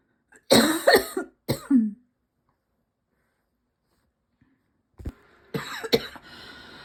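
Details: Two harsh coughs, a pause, then more cough bursts from a cough that will not quit, with throat and lungs constantly tickly; persistent dry cough.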